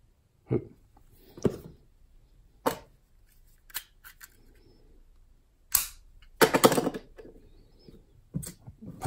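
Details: Several sharp snapping clicks in a quiet room as a spring-loaded lancet device fires to prick a finger, drawing a blood drop for a calibration glucose reading during Dexcom G6 CGM setup: lancing device firing.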